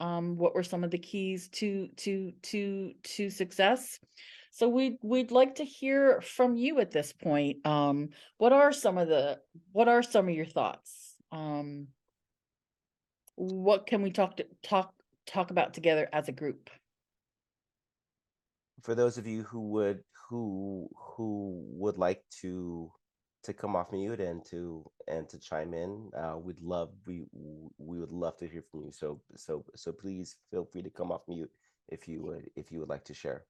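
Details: Adult woman who identifies as a person who stutters, a stuttering association member for 17 years; stuttering.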